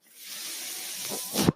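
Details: Sound of a podcast host's own mechanical ventilator, audible in the background while he speaks.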